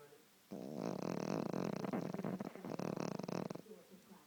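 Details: Pet dog sleeping with one eye open gives one long, fluttering, rattling snore of about three seconds, vibrating rapidly throughout; dog snoring.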